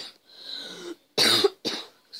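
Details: Two sharp, loud coughs after a quieter breathy sound in a small room; a sick gamer coughing while playing Minecraft Pocket Edition.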